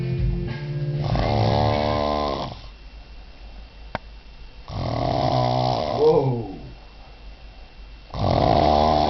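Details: Drunk man passed out after cider, loud rattling snores on each inhaled breath with quiet gaps, about 16 breaths a minute; snoring.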